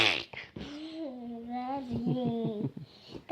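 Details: A brief, sharp sneeze burst from a young girl, followed by a drawn-out voiced sound from her.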